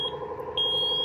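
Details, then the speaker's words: A steady high-pitched electronic alarm tone, briefly broken at first, from a ZOLL EAGLE II transport ventilator during a demonstration; ventilator disconnect alarm. "okay so we have now an alarm okay so as you can see okay the alarm is disconnect okay so this is the special feature for this ego"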